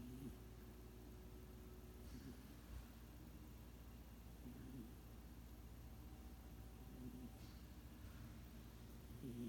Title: Sugar Cat Snoring